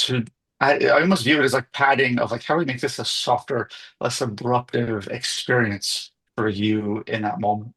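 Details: Adult male speaker; typical speech.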